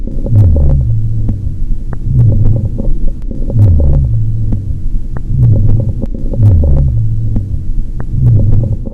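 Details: Low, rumbling, gurgling sounds rise and fall with each breath over a constant throbbing background, in pediatric emergency training: coarse added breath sounds from airway secretions (rhonchi).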